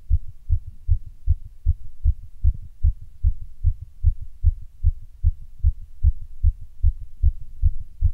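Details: Rapid heartbeat after caffeine and exertion: strong, regular low beats at about 150 per minute.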